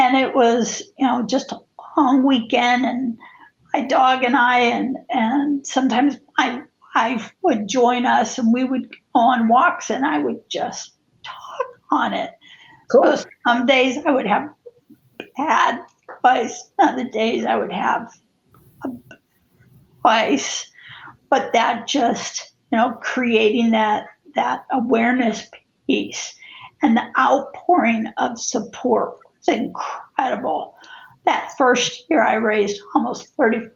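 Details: Spasmodic dysphonia in an adult woman who also has cervical dystonia affecting head and neck positioning; the disorder began affecting her life in 2017.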